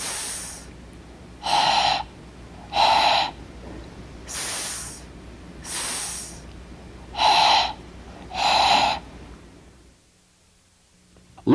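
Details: Normal s contrasted with unvoiced pharyngeal fricative productions with excessive lower-neck muscular activity, in cleft palate speech; pharyngeal fricative versus normal s.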